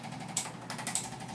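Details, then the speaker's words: Handheld spinal adjusting instrument applied along a patient's whole spine: quick mechanical clicking taps over a faint motor whir. "here are Richard I'm going to go through his whole spine I'm going to focus on putting a lot of the"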